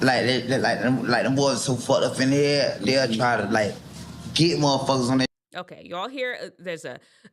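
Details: Adult male rapper with slurred, dragging speech and repetitions, described as very stuttering; the physician host suspects drug use as the cause and contrasts it with a clear-voiced clip.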